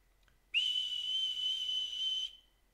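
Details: Tinnitus simulation, the noise in your ear: a steady high-pitched whistling tone lasting under two seconds.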